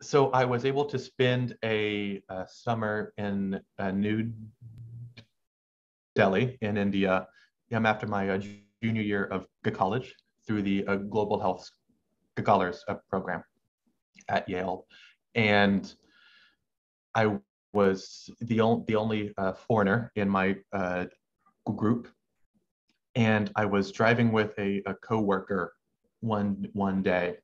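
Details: Stuttering since about age six in an adult male medical student, with pauses he cannot control, partly masked by subconscious strategies to make them sound deliberate, and a halting cadence.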